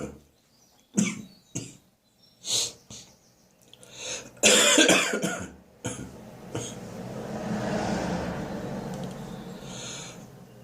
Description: I've caught a Spring upper respiratory infection with has given me a sore throat for several days and is now developing into a head cold and a sharp staccato barking cough.